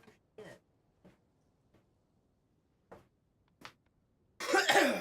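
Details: Adult streamer very sick with a severe illness: about six short, light coughs and throat clears in a quiet room, ending in one louder, harsher, longer cough burst; cough.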